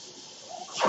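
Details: The podcaster's own mechanical ventilator, its noise audible in the background while he speaks.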